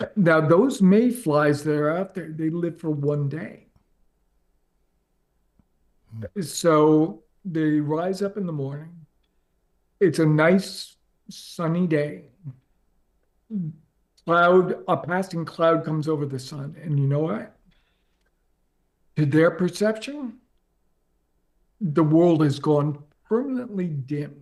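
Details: Adult man with ALS diagnosed four and a half years ago, advanced and nearing end stage: onset right calf, spreading through legs, core, arms and hands, now neck deep with difficulty speaking and breathing; speaks using a ventilator to inflate lungs; dysarthria (ALS).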